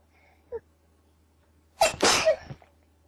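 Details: Person sneezing: a short breath in, then one sharp, forceful sneeze in a quiet room.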